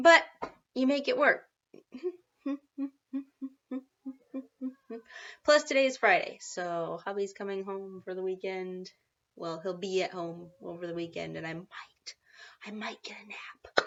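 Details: Vocal tics (Tourette syndrome; she calls it seasonal Tourette's) in an adult woman, a parent, after a rough night of ticking and shaking since 3 a.m., with involuntary repeated "what" tics.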